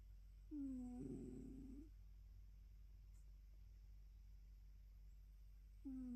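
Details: Soft, slightly whistling snore turning rough and fluttery from a sleeping adult female cat born around 2016, recorded in the morning, with a long quiet pause before the next snore.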